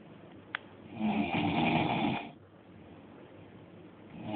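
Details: One loud, rough snore on a breath in, lasting over a second, then quiet breathing, recorded in Dubai; ordinary snoring, with devices to stop snoring as the topic.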